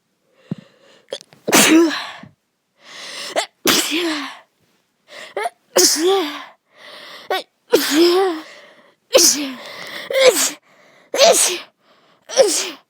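A run of about nine sneezes over thirteen seconds, each a sharp explosive burst with a short voiced tail. Repeated, allergic sneezing.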